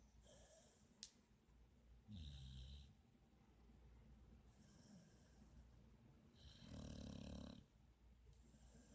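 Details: Pit bull snoring while asleep on the couch with eyes open and tongue out: two low, rumbling snores on inhaling, about eight breaths a minute, in a quiet room.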